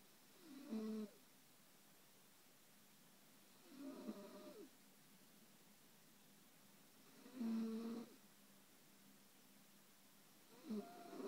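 Soft rattling snores on each breath, about 18 a minute, over steady room hiss; snoring.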